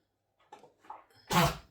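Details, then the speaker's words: A dog just back from a walk, with a lingering bout of his old kennel cough, snuffles softly, then gives one loud, harsh cough burst; kennel cough. "Oh, can you hear Brocket there? A bit of his old kennel cough. Bless him."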